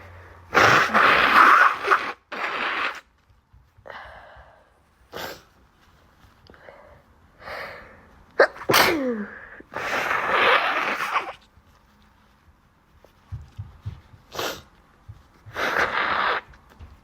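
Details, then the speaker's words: Person with allergies having a series of loud, forceful sneezes with sharp in-breaths and coughing before blowing their nose; an allergic sneezing fit. "I'm sorry I don't know why I'm coughing so much but yeah it's really hard talking with when you when you have to sneeze"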